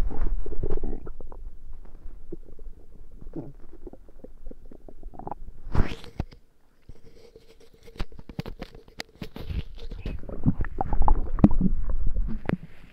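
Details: Repeated low gurgling, bubbling and squeaky rumbles from the belly during a tummy ache; borborygmi.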